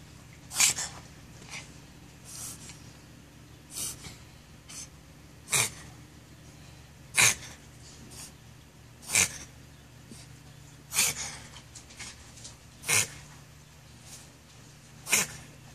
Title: coughing